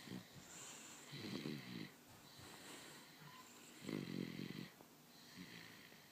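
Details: Jason snoring softly during an afternoon nap: quick snuffling snores with faint whistling on the breaths, repeating in short bursts. Light snoring.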